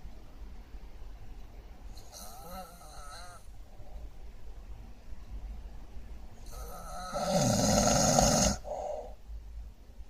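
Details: Two loud, rough snores on the in-breath, the second louder and harsher, against steady room hum; heavy snoring described as terrible.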